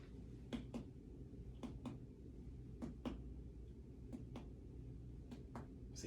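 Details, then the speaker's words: Five paired percussion taps over the liver during an advanced head-to-toe physical assessment give short, flat, non-ringing notes: the normal dull percussion sound over a solid organ. "so what i'm precursing for is the although organs will be tympani and then the solid organs will be dull so as i get close to the liver for example"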